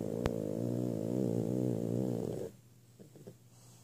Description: Mornings are not the favorite thing of our 8 month old frenchie. She is snoring away!!